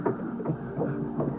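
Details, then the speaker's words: Fetal heartbeat on ultrasound with audio turned on during a pregnancy scan, reported as looking good: fast, regular whooshing pulses, roughly 150 a minute, normal. "show you the fetal heart and we'll turn on our little so far everything looks good turn on her audio"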